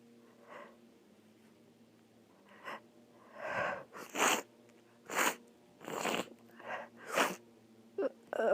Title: I have a cold (sniffling and blowing)